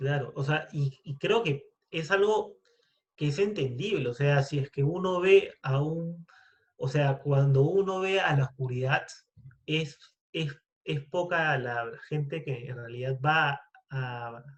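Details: Stuttering in a Spanish-speaking man who identifies himself as a person who stutters, speaking in a podcast conversation about stuttering.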